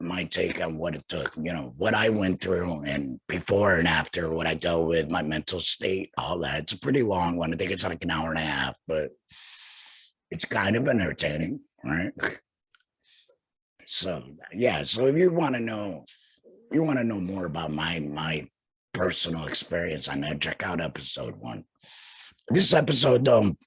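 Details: Man who had a total laryngectomy in 2020 and speaks without a larynx; alaryngeal speech after total laryngectomy.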